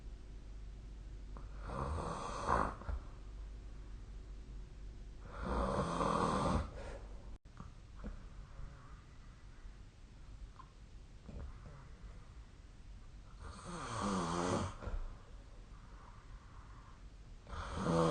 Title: 🐽 本日のイビキ / Snoring Sleep Sound 2025/04/08